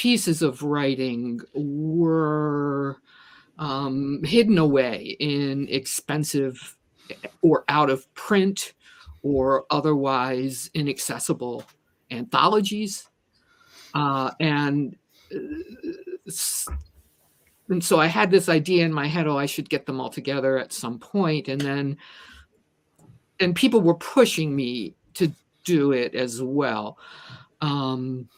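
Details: Stuttering in a woman who says she stutters and considers herself a person with a disability; repetitions such as "the the the" occur.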